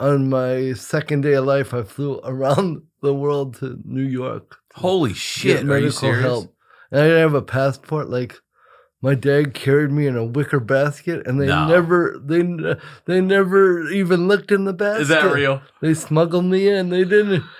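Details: Adult male with cerebral palsy present from birth, attributed to brain injury or lack of oxygen at birth after an emergency C-section; dysarthria (cerebral palsy).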